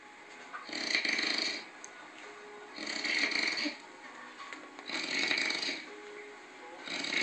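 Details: A sleeping man snores loudly and roughly about every two seconds, with a quieter breath between snores, over faint background music.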